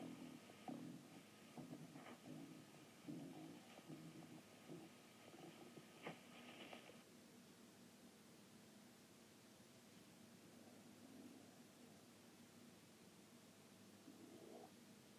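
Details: Stomach growling (borborygmi): low gurgling, rumbling bursts for the first seven seconds, then quiet room noise.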